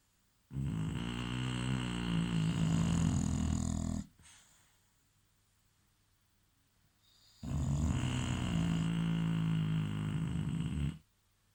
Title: English bulldog snoring